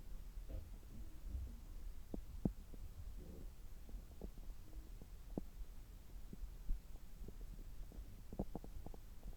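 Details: Abdominal sounds heard through a stethoscope about three hours after a meal: irregular soft gurgles, clicks and pops under a low rumble; normal active bowel sounds.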